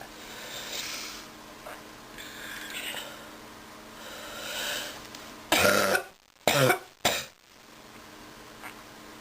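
Soft breathing, then three harsh coughs in quick succession: an illness cough.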